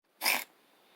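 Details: A 5-year-old calico cat that wakes from sleep coughing and gagging, with the cough present for about 6 months and worsening: a single short, harsh, explosive cough; not hairball or asthma, vet suspects acid reflux.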